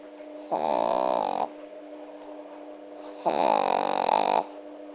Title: Dog snoring so cute